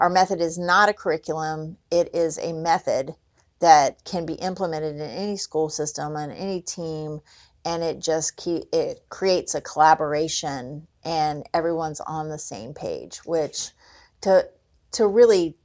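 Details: Adult woman speaking; typical speech.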